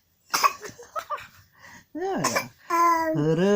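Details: A child gives a short run of coughs, then vocal sounds and a whine-like cry; cough.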